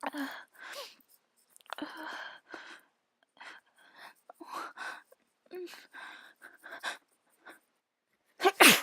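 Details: Sneezing with a cold and an itchy nose: a run of short, breathy gasps and catches building to one loud, explosive sneeze.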